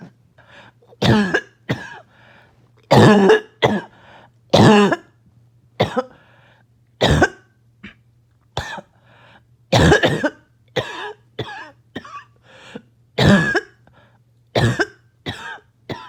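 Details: Adult choking, barking cough said to have started from an itchy nose and throat: repeated harsh barking coughs in clusters, with throat-clearing and gagging, choking-like sounds between bursts.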